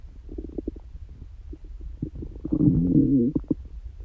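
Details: Stomach growling (borborygmi) in a person with a constitutional tendency to loud bowel sounds, not hungry and no stomachache: low gurgling and bubbling building to a longer rolling growl.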